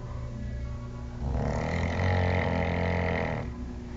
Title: RONCANDO